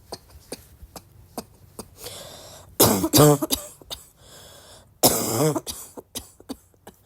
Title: hard barky coughing fit